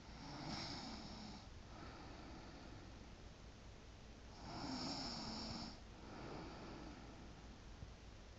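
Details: Person snoring during sleep: two loud rattling snores on inhaling with quieter breaths between, about 14 breaths a minute.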